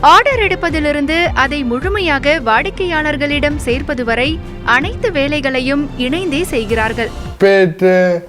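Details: Adult female news narrator; typical speech.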